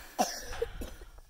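A child gives one sharp, loud cough followed by a softer second one, heard outdoors; a brief cough.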